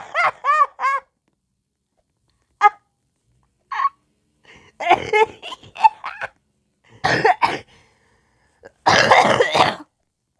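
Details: Repeated coughing from someone who is sick: harsh bursts, some high-pitched and honking, others rough and breathy, ending in a long, forceful cough.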